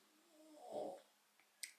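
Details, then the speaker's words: Pet dog snoring in the background during speech. "If you can hear the snoring, that's my dog."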